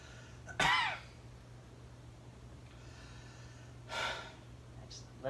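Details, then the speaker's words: Two deep, audible breaths by an adult male patient on request during stethoscope lung auscultation in a student nurse's head-to-toe assessment; no wheezes, crackles or rhonchi heard. "i'm going to go ahead and listen to your lung sounds now with each place that i placed my stethoscope if you could just go ahead and give me a nice full breath"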